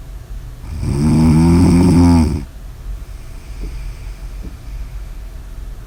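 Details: Ordinary snoring: one long, loud, rattling snore on a breath in, then quiet breathing with faint room noise.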